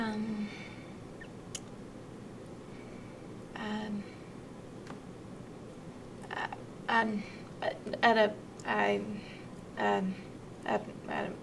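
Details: Severe transcortical motor aphasia shown during a picture description, with comprehension stronger than verbal expression.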